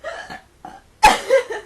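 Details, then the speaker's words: Two brief voiced gulping sounds, then a louder, sharp, throaty hiccup-like burst from a person with persistent hiccups they can't stop; hiccups. "oh goshin go away hiccups I want that to go away"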